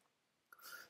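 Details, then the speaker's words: Brief squeaky gurgle that rises and fades after near silence, recorded with the microphone close to the stomach: stomach growling (borborygmi). "my stomach just grumbled did you hear that Mike's kind of close to my stomach"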